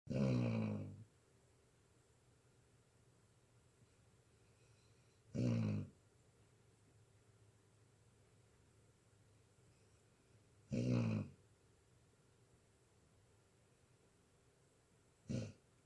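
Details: Three loud, low, rumbling snores about five seconds apart, then a brief fourth, from a sleeping dog; snoring.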